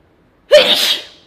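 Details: Single loud, explosive sneeze with a brief voiced onset and hissing release, recorded 06.08.2019; allergies are mentioned afterwards; sneezing.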